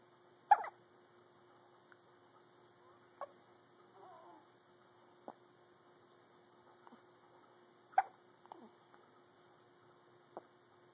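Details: One-week-old baby with hiccups: sharp, brief, jerky hiccups at regular intervals, about five in eleven seconds, against a quiet room hum.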